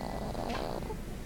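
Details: Possible snoring during sleep: one low, rough, rattling breath sound with a snort-like quality.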